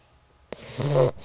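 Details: Single low, rattling snore with a soft buzzing tone from a sleeping puppy: snoring.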